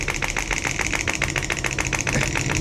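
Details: Shockwave therapy on the most tender spot of the hip of a former professional football player turned stunt double with hip and shoulder pain: fast, loud mechanical tapping at about eight pulses a second.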